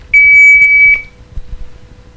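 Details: AED power-on tone in a first-aid training demonstration: a loud, steady high-pitched tone lasting about a second as the defibrillator is switched on after CPR, followed by low room noise.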